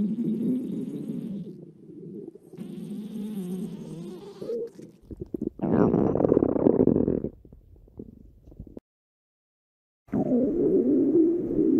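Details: Rabbit's belly: low gurgling and rumbling stretches, normal bowel sounds of digestion.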